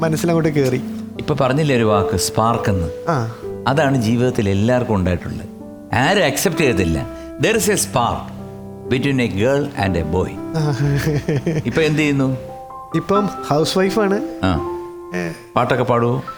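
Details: Adult male talk-show host; normal speech.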